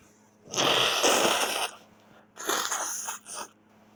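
Two forceful, explosive sneezes followed by a brief third burst, over faint room hum. Repeated sneezing.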